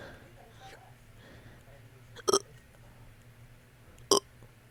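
Two short, sharp gulping bursts about two seconds apart over quiet room noise, heard as hiccup-like burps.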